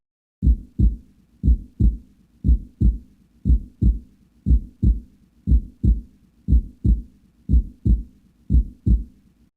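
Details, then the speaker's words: Normal heart sounds in educational software narration: a steady heartbeat at about 59 beats a minute. The lub is valve closure, and the dub is the valves at the heart's exit closing after the lower chambers contract. "During the second stage, the muscle in the heart's lower chambers contracts and squeezes the blood out of the heart. To prevent any blood from returning to the heart, another pair of valves close at the exit of the heart. This closure makes the second dollar dub sound."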